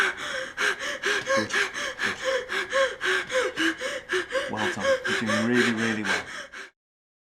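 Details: Simulated hyperventilation in a dental-surgery medical emergency training scenario: an adult woman patient makes rapid, noisy gasping breaths, about two a second with no pause, while staff coach her to breathe calmly.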